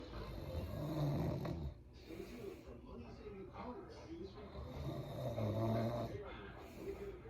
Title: Snoring nap￼ ￼